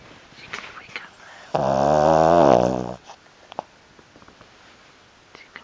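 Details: Fifteen-year-old Shih Tzu asleep and not waking: a single loud, drawn-out nasal snore of about one and a half seconds, faint rustling afterward; hiccups mentioned afterward. Snoring.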